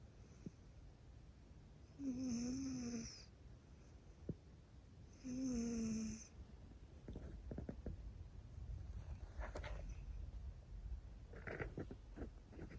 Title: Peaceful Cat Snores and Purrs